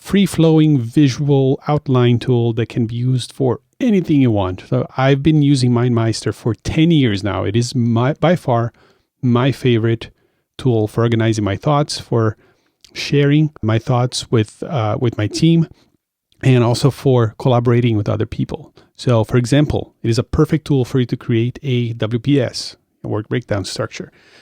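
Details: Adult male speaker; normal speech.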